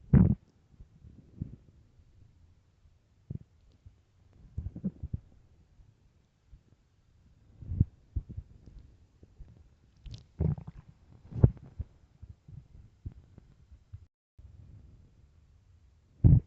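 Soft low gurgles and rumbles coming and going irregularly, with a few sharper squelches; stomach growling from hunger.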